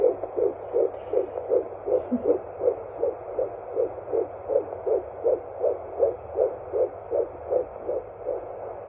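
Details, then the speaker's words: Fetal heartbeat on a Doppler at about 16–17 weeks in a second pregnancy: fast, regular whooshing beats at about 160 a minute, a normal fetal heart rate. "But yeah, I'll insert a little clip of the heartbeat here."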